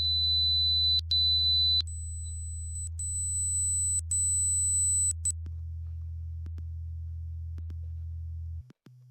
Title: How to take a free hearing test? - Advanced Hearing Center